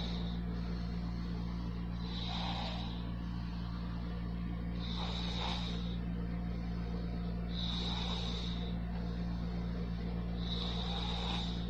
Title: Snoring 😴😴 November 2018)